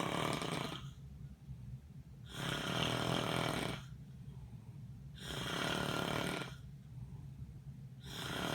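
Loud, harsh rattling snores about once every three seconds, roughly 20 a minute, alternating with quieter breaths; ordinary snoring.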